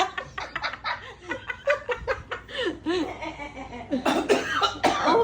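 Choppy, laugh-like voiced bursts followed by a few harsh, explosive coughs near the end; playful, likely acted coughing.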